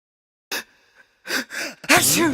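Several quick gasping in-breaths build up to a loud sneeze burst, a staged sneeze build-up.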